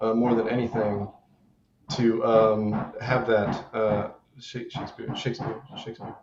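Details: Adult man with Tourette syndrome; a recurring interjected word appears throughout his speech; Tourette syndrome vocal tics.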